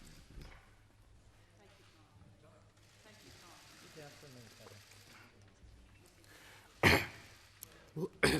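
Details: Coughing fit from Australia's Treasurer during an economic address to parliament: three loud, harsh coughs in quick succession. It briefly cost him his voice, and a later Covid-19 test was negative.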